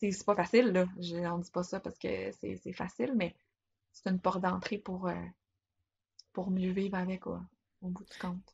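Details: Adult woman speaking French; typical speech.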